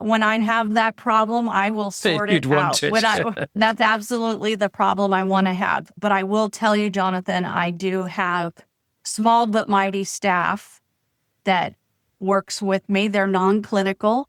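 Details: Adult woman speaking; ordinary speech.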